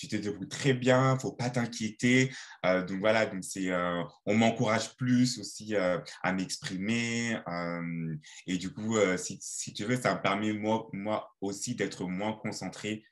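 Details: Stuttering in a 28-year-old French-speaking man whose stutter began around age 7-8 and who says it still occurs sometimes.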